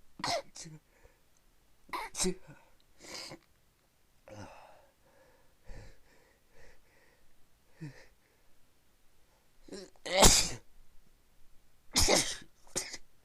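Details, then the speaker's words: About six sneezes in quick succession with short breaths and sniffs between, from a person who had been sneezing all day and for another 20 minutes; repeated sneezing. "Oh man, I can't stop sneezing."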